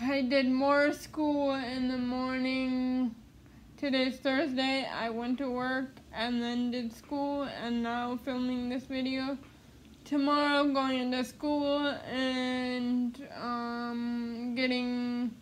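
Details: Adult woman living with cerebral palsy who attends speech therapy; dysarthria (cerebral palsy).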